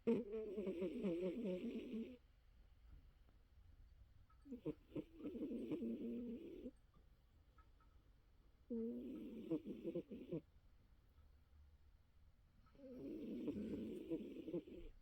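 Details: Olive, a sleeping pet: rhythmic rough snoring about 15 snores a minute with quiet pauses between; finding: snoring.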